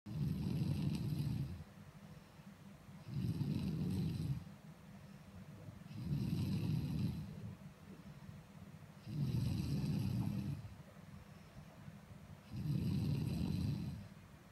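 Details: Massive snoring from a girl: deep, loud rumbling snores repeating about every three seconds, roughly twenty a minute, with a hiss on each breath; heavy snoring.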